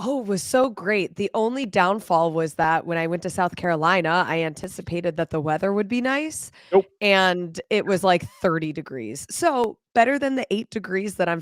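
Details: Adult woman speaking; Normal speech.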